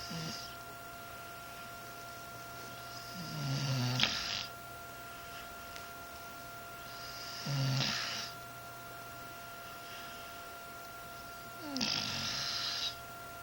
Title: snoring